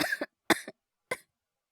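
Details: Three short, dry, spaced coughs, acted by a voice actor imitating a young boy with a cold; simulated coughing.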